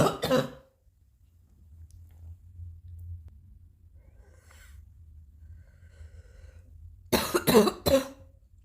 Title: new coughing